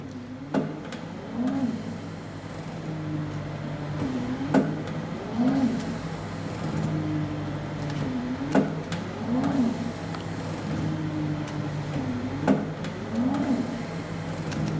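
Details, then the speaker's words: Emergency ventilator (BPPT 3S-LEN) set to respiration rate 16, cycling about 15 times a minute with click and whooshing hum while it self-calibrates until real rate stabilises near 16; mechanical ventilator cycling during self-calibration. "di tunggu hingga nilai r r Joe stabil di sekitar 16.000 Hai mesin akan melakukan kalibrasi secara otomatis"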